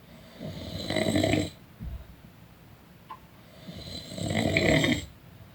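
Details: Person snoring during a nap: two rattling inspiratory snores about four seconds apart, quiet breathing between.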